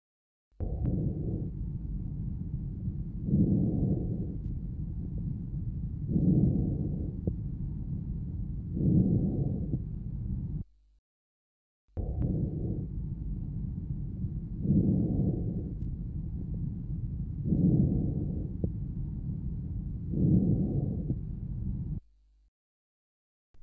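Soft, low-pitched breath sounds rise and fall at about 22 breaths a minute, each swell mainly on inspiration: normal vesicular breath sounds.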